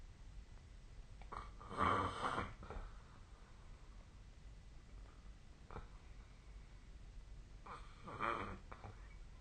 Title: 🐽 本日のイビキ / Snoring Sleep Sound 2025/01/23